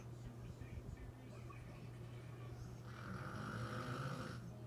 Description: Had to sleep on the floor next to my grandma. She’s a snorer and it gets loud.